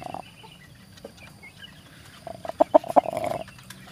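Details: A sick chicken with a blocked airway ("ngorok", chicken flu), blamed on weather change, makes a short run of harsh, rattling, snore-like noises as it breathes.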